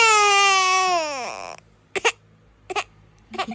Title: Baby crying,So cute 😍#support #cutebaby